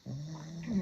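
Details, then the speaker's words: A four-year-old male dog sleeping in the background makes a low, rumbling, vibrating breath sound that rises slightly at the end: snoring. "Ось мій чоловік чотирирічний який хропе мені на всіх відео я реально не можу від нього вийти в іншу кімнату бо куди я туди і віна"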